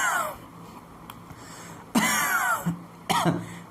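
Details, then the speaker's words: Adult imitating wheezing breath sounds while explaining that infection spreading to the bronchi and lungs causes wheezing and cough; two short voiced throaty coughs: cough. "ऐसी condition में जो भी reason है आपको वो हटाना है।"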